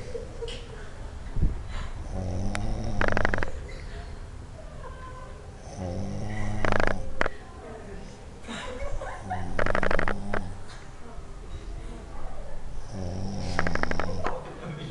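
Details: Person snoring: loud, rough, rattling snores recur about every 3.5 seconds, roughly 17 breaths a minute, with quiet stretches between and faint room noise.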